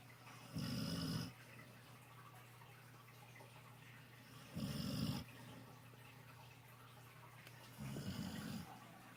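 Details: Napping with its face in the sun, snoring: three low, rattling snores at regular intervals, each with a soft hissing edge, over faint room hum.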